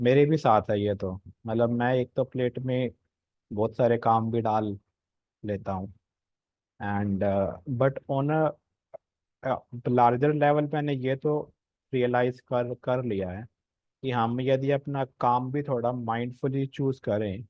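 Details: Adult man speaking Hindi with some English; stuttering.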